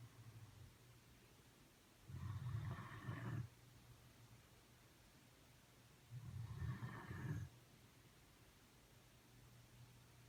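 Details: Deep-sleeping pet lying on owner's foot: two rumbling snores about four seconds apart, each on an in-breath, over a low steady hum; snoring.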